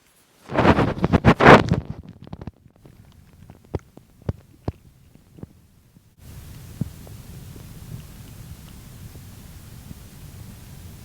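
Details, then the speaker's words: Bowel sounds recorded with microphones placed on the stomach at the end of a full day of fasting: a loud gurgling rumble, then scattered brief clicks and pops from an empty, churning stomach. "place them to my stomach and we'll hear the gurgling the churning the craziness that is inside of the stomach"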